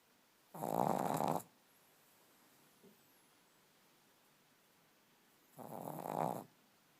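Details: Loud snoring during sleep: two rough, buzzing snores about five seconds apart, near 12 breaths a minute, with quiet between.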